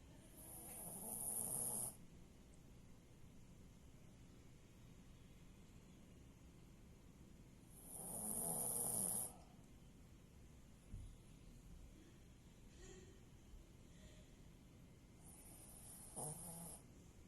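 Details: Snoring in sleep after a family sleepover: three hoarse, rasping snores spaced several seconds apart over a quiet background, with faint sniffs between.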